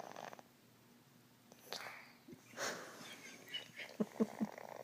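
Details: Sleeping small dog giving soft, short, rattling snores, with handling noise from a shaking camera; snoring.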